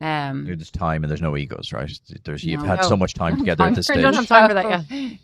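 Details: Adult speaker; normal voice.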